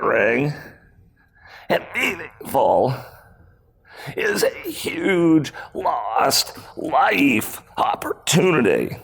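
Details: Male CEO with spasmodic dysphonia, a rare voice disorder acquired in 2010; throat muscles spasm and contract when he talks, sometimes making speaking difficult; speaking at a 2018 keynote, about eight years after onset.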